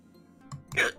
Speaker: these hiccups going crazy bro I sound so stupid